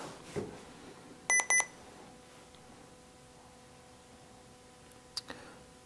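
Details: Sapphire single-channel multi-therapy infusion pump powering on via on/off button: two short electronic beeps, with a faint click and chirp later, over quiet room hum; normal start-up tones.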